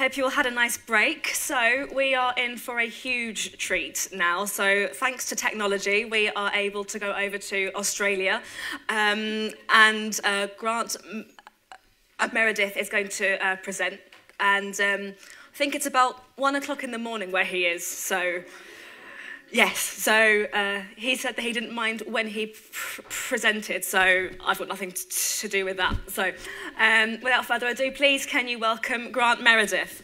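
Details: Adult woman, conference host; typical speech.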